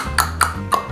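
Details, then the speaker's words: Three sharp tongue clicks in quick succession over a steady low hum; a new repetitive tongue-clicking vocal tic in a person with Tourette syndrome, tics worse during quarantine, triggered by hearing others do it. "My first new tic, I don't do a lot, but when it started happening, it happened a lot for the first few days, and now it happens like here and there, and especially when I hear someone else do it, then I really start doing it. But it's tongue clicking, like,"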